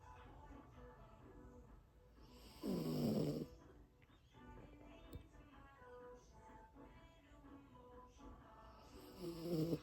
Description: Baggio’s snoring is like an old man 😴🐾🖤🧡 #fyp #cavalierkingcharlesspaniel #dog #puppy